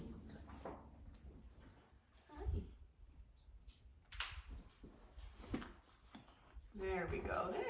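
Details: Relaxed mare during cold laser therapy for back pain: quiet room noise with a low, gurgling rumble from her belly, then a brief voice; normal gut sounds (borborygmi).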